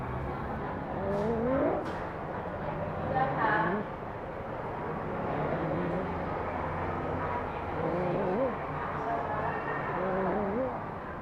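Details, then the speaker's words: IMCI training example of a child with cough and difficult breathing: harsh, high-pitched noise on each breath in; inspiratory stridor, a sign of a narrowed upper airway. "this child has a harsh noise on breathing in this child has stridor"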